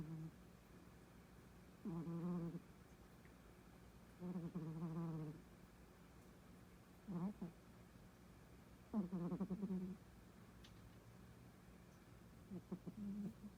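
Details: A sleeping female cat snoring in short, low buzzing bursts, about five in thirteen seconds, over quiet room noise.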